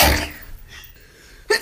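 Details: A single forceful sneeze bursts out, fades over a moment, then a short sharp breath or exclamation follows.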